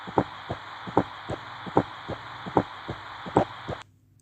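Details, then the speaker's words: S4 gallop, typically seen in heart failure: soft extra sound just before each first heart sound, regular heartbeat near 75 a minute; teaching recording. "This is S4 which is typically seen in heart failure."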